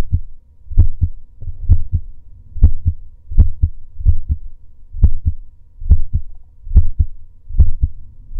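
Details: A male's own heartbeat recorded during breath holds: steady, regular, clear paired lub-dub thumps at about 70 beats a minute; a normal heartbeat.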